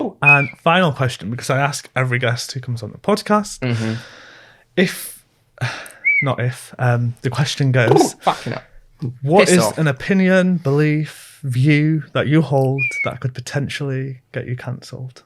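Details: Adult man; ordinary speech.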